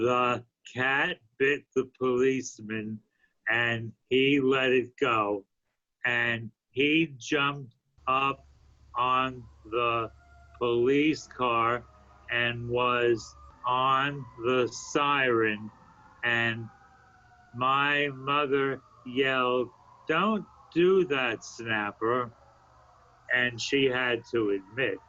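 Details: Adult man with aphasia after a stroke a few years earlier, continuing a podcast story he made in an intensive reading and writing therapy program; aphasia.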